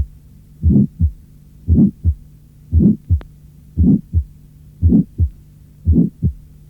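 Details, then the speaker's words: Harsh systolic murmur demonstrating how its timbre changes when low frequencies are removed (diaphragm versus bell); with the diaphragm it sounds higher-pitched, resembling mitral regurgitation. "J’ai déjà expliqué ce point, mais je vais vous faire entendre encore une fois comment le timbre d’un souffle rude se modifie lorsque les basses fréquences sont supprimées."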